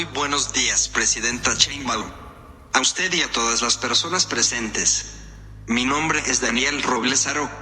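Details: Speech-generating device (AAC) voicing for an adult male; synthesized speech from an AAC device.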